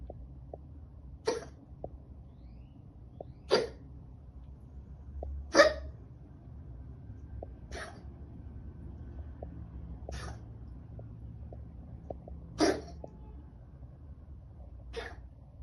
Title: having trouble breathing and then coughing because of Chylothorax.